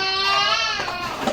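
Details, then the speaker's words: Baby of about 6 months crying: a high, steady, wailing cry heard from a distance in a small room. "Vous entendez le bébé qui pleure, mais je pense que papa est"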